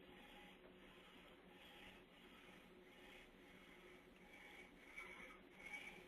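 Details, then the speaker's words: Sick child with croup: harsh, raspy, high-pitched stridor with each rapid breath, struggling to get air in and out; inspiratory stridor. "So he's having stridor. He's having hard time getting the air in as well as out. So you hear that extra sound."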